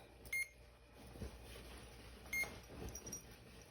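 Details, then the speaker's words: Two short high beeps about two seconds apart as a Duopa intestinal gel infusion pump runs its start-up settings and self-test after power-on during the morning connection, over faint room noise. "I turn it on I just hold it down until I start seeing the numbers appear it's going to run through its settings"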